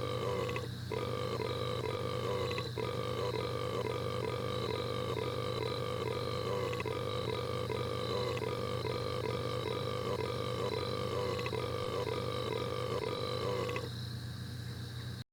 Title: red guy burps for a while